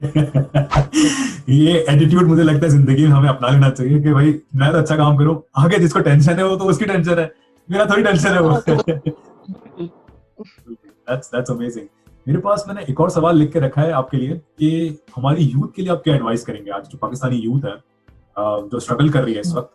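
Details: Adult male speaker; ordinary speech.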